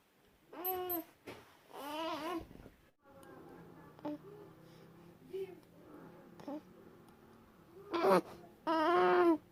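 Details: Short grunts, squeaks and whimpers over a low hum, with two louder fussy bursts, from a newborn during excessive stretching episodes. The parent first feared seizure, but these are normal newborn stretching sounds, not seizure.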